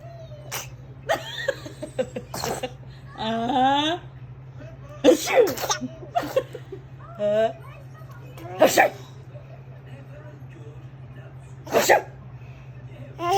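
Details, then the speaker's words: Fake sneezing by an 11-month-old infant: several short, sharp deliberate sneeze-like bursts mixed with babbling and an adult's voice. "okay she's fake sneezing all right good job"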